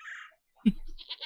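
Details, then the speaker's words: Single sneeze during a tabletop gaming session: a short inhaled hiss followed by a sharp explosive burst, then "Bless you." "Bless you. Oh, I sneezed, sorry."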